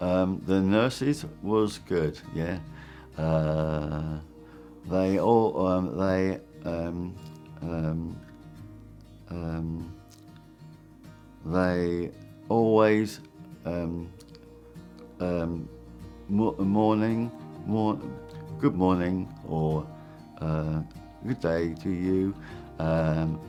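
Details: Severe non-fluent aphasia in a man following a stroke; he was unable to speak after it.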